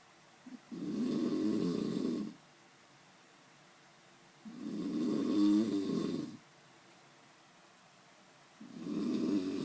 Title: Snoring too loud!